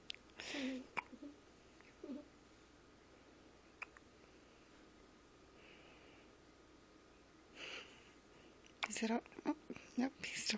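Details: Short, abrupt gasping catches spaced irregularly in a quiet room: hiccups.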